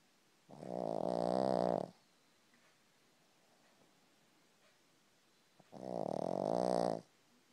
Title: A pug snoring on my foot